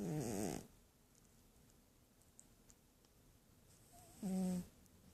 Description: Sleeping cat snores